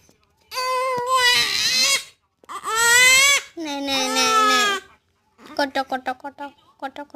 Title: baby crying sound Effect 😭😭